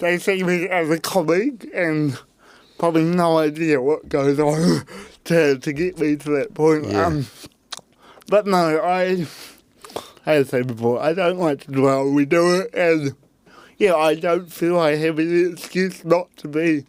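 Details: Adult man with cerebral palsy since birth, parents told he would never walk or talk, intensive therapy from birth to age six for walking and talking, used a walking frame at school; mild dysarthria (cerebral palsy).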